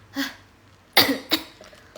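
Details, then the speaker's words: An adult woman, hoarse since waking and feeling a flu coming on, gives a soft throaty burst then two short, sharp dry coughs in a quiet room during a live stream; a plain cough. "Tapi sebelumnya saya sangat sehat, namun tiba-tiba pagi ini ketika bangun tidur saya merasa suara saya sangat serak dan merasa seperti akan terkena flu dan batuk, dan sebagainya."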